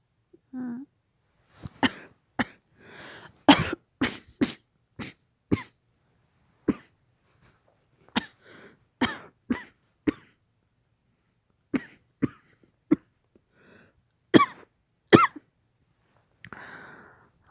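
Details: Simulated role-play of a girlfriend coughing severely from COVID-19 aftereffects: acted clusters of harsh, repeated coughs with a strained throat sound and breaths between.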